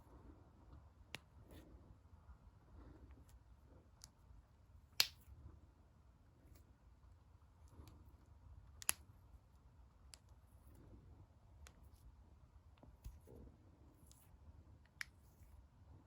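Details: Finger knuckle cracking, counting how many times the fingers can be cracked: sharp single pops every few seconds, about 15 a minute, in a quiet room; harmless.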